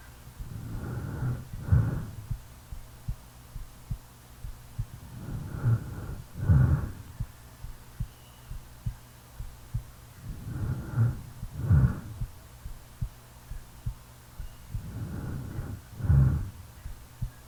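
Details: Real recording of a sleeping person: faint steady low heartbeat thumps under slow deep snoring breaths at about 14 a minute.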